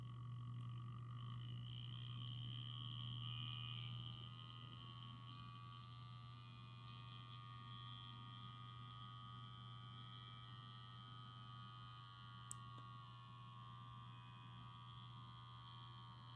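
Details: Equate 4500 Series wrist blood pressure monitor held at heart level, used by a user who was not rested after exercise (reading 139/93): steady motor whine as the cuff inflates, then a quieter hum as it slowly releases.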